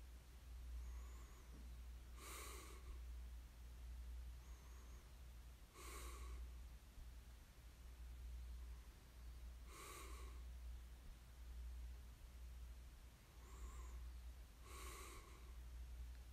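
Slow, noisy breaths about every four seconds with soft rattling snores over a steady low room hum; light snoring during sleep.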